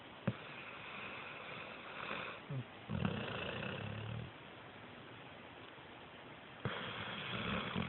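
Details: Snoring: rough, low rattling breaths in a couple of bursts against faint room noise.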